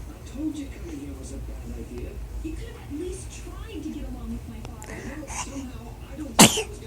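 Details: Baby sneezing: a single small, sharp sneeze near the end, after soft adult talk in the background.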